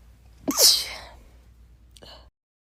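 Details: A girl's tiny rapid sneezes: a quick indrawn breath, a sharp hissing sneeze, then a second small sneeze.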